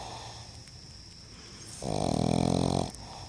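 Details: Pug snoring: a single loud, buzzing, rattly snore of about one second, with steady room hum behind.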